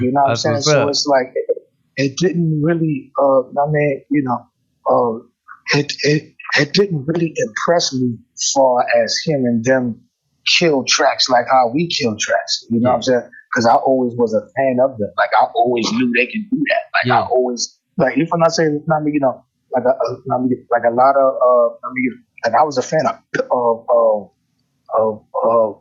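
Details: Adult male rapper with self-described bad stuttering running in both sides of his family (father, maternal grandfather), affecting conversation but not rapping; stuttering with word repetitions.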